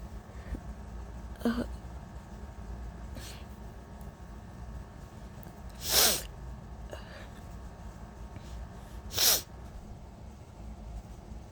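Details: Allergy sneezes, some covered and some uncovered, with coughs and holdbacks while allergy medication is only partly working: three sneezes, the last two loud and explosive, with softer held-back attempts between them.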